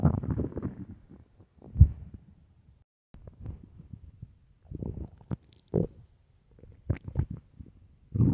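Loud, deep gurgling and rumbling bursts with pauses between them; ordinary stomach growling from an empty stomach.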